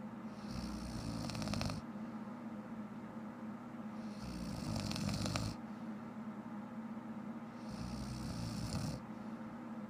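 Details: Adult woman who fell asleep while watching shows: loud, rattling snores on each breath, about every three and a half seconds, roughly 17 breaths a minute; snoring.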